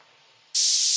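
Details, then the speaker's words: Near silence, then a sudden steady high hiss of tinnitus masking noise from a BeHear ACCESS Model II hearing amplifier headset, its frequency and pitch being changed in the app to match the user's tinnitus. "To change the frequency and pitch of the sound, you simply place your finger on one of the squares and listen to the sound, and then experiment. Do you hear the difference in those sounds? When you reach a sound that matches your tinnitus, you can then save that."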